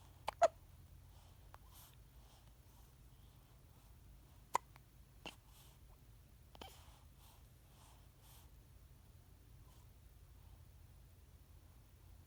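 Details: Five-day-old newborn baby boy recorded at close range, with a few soft, abrupt hiccups spaced several seconds apart in a quiet room.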